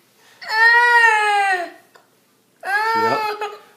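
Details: Two long, loud, tonal wails from a young child with a pause between them; an ordinary cry, recorded with two small children who both had hiccups and bandages.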